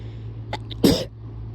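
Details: Person sick with a suspected cold or flu that is making them sneeze a lot: a short in-breath and then one sharp, explosive sneeze; a single sneeze.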